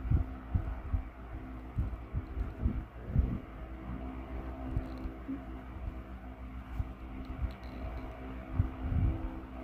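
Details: Stomach noises after vomiting: gurgling bowel sounds (borborygmi).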